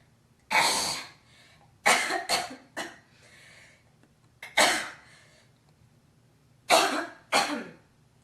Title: girl coughing hocking loggies